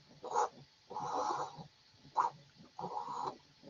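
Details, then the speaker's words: Teaching recording of mitral stenosis murmur: normal first heart sound, then a long, rough diastolic rumble, repeating. "Ya. Ese es un soplo de estenosis mitral, ¿ya? Es un soplo que tiene el primer ruido normal y el segundo ruido es enrodamiento."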